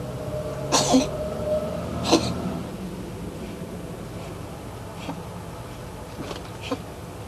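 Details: Two sharp hacking bursts then several softer, shorter ones from a cat; cough or sneeze uncertain.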